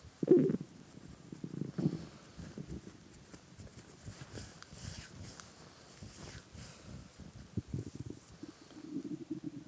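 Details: Soft, irregular, low gurgling and rumbling heard with an ear resting on a hungry adult man's belly while he played a game, with faint rustling noise: normal hunger borborygmi.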